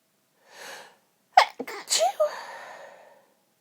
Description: stifling lots of sneezes for those stifle lovers out there. Stifles, half stifles and a failed stifle......